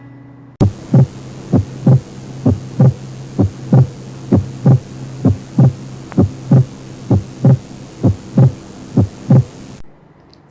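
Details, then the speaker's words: Regular heart sounds at about 65 beats a minute with the second sound split into two close parts: split second heart sound. "the sleep s2 can normally be heard during deep inspiration which is called physiologic spreading"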